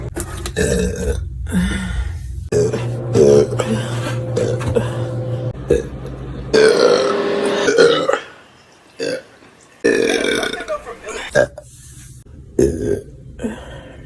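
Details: A compilation of repeated burping: a run of long, loud, deep voiced belches, one after another with short pauses.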